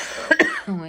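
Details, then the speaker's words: Adult woman waiting for the doctor at her therapist's office has a persistent cough that she suspects is bronchitis rather than allergy: two short, sharp coughs in quick succession, then a brief voiced sound. "я извиняюсь, всё равно кашля сохраняется. Я думаю, что всё-таки это бронхит или что-то бронхо-бронха."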